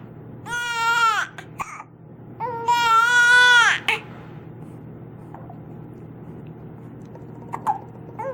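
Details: Baby with hiccups, unhappy about them, crying: two loud, high-pitched sustained wails, then quiet room noise.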